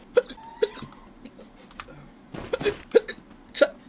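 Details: A streamer unable to stop hiccuping while playing a game: short, sharp, repeated hiccups about every half second with a little room noise between; ordinary bout of hiccups.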